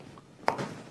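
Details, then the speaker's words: A single sharp, loud pop of shoulder joint cavitation in a woman during a chiropractic adjustment, as she slowly moves her shoulder back with her hand on her hip. "okay so sometimes you get some cavitation with it sometimes you won't it all depends okay move it back M there we go mhm move it"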